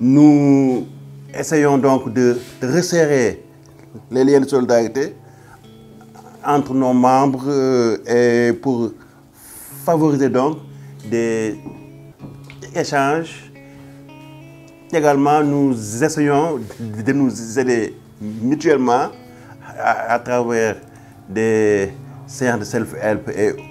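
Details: Young Senegalese man who stutters, speaking French: stuttering.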